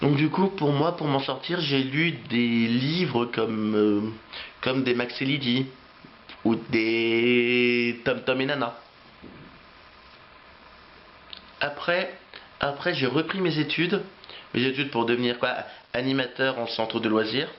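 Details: Adult French-speaking man who has stuttered since age three and says he still repeats words; repetitions heard; stuttering.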